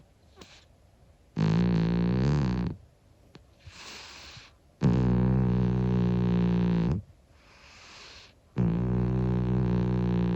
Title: Old cat SNORING - UNCUT! | Monkey the 25 year old cat